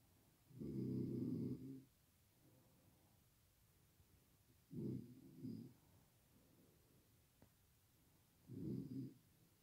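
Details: Deep, rumbling snores in separate bursts with quiet pauses in a quiet room, from a sleeper whose loud snoring keeps a light-sleeping partner awake, who wakes with headaches; loud snoring.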